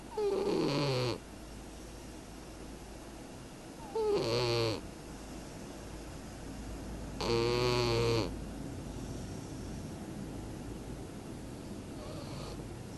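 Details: A sleeping cat gives three buzzing, rattly snores in about 13 seconds, spaced irregularly; ordinary snoring.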